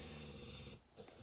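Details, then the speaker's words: Bella, a dog, snoring in the background while sound asleep, not waking when nudged: a low, rumbling breath that fades after under a second into quiet room noise. "Bella snoring in the background I tried nudging her and she's just out she's just gonna keep snoring so bear with that noise"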